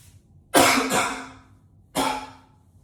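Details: Coughing up a lung in an echoey tiled bathroom: two harsh, forceful coughs, the first a double burst.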